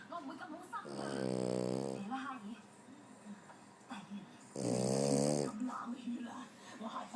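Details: Snoring during sleep: two loud, drawn-out buzzing snores about four seconds apart with softer breathing between; ordinary snoring.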